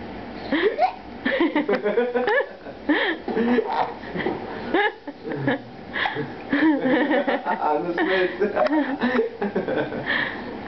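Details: Infant (baby) hiccups: short, abrupt catches heard between adult talking and light laughter.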